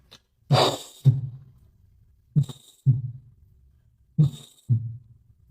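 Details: Ventricular septal defect heard at the left parasternal area on cardiac auscultation: slow paired heart sounds with a harsh, rasping murmur at the first sound of each beat.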